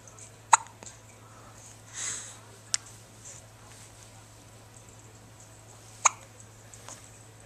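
Three sharp, brief hiccup sounds a few seconds apart, with fainter clicks between, over a low steady room hum; hiccups.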